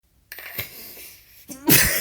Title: Sneezing again.